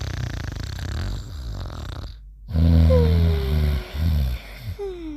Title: Mimi and Trusty Sleeping and Snoring Together